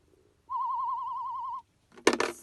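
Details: Child with Kabuki syndrome who wears hearing aids, at a hospital audiology hearing test: steady warbling pure-tone audiometer signal lasting about a second, then a brief rustle; hearing levels unchanged from last year.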